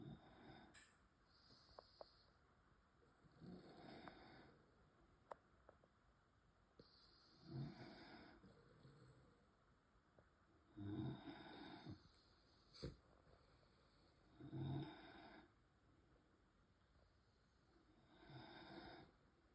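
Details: Several sleeping small dogs, French bulldogs including a puppy, snoring: soft, repeated snuffly snores with snorting breaths, about sixteen a minute.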